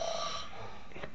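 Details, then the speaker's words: Sleeping young man lying on his back, on holiday in a hotel, whose own snoring wakes him: brief rough rattling breath with low vibration, loud snoring. "El bebé sigue dormido. Se despierta de vez en cuenta, de vez en cuando sus propios ronquidos lo despiertan."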